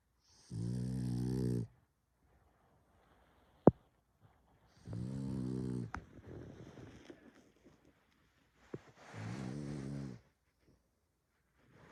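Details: French bulldog snoring: three loud buzzing, vibrating snores with quiet pauses between them, about fifteen breaths a minute.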